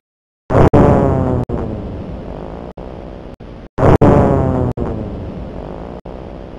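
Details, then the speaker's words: EMG in congenital myotonic dystrophy: two bursts of rapid repetitive discharges waxing and waning in pitch and loudness, the dive-bomber sound of myotonic discharges. "this is a typical example of a myotonic discharge uh which has got a dye bomber like phenomena called dye bomber like sound or a engine rubbing sound that is a typical characteristic"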